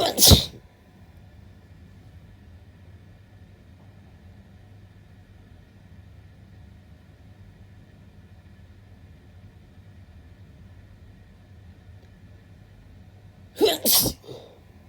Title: 4 sneezes (M)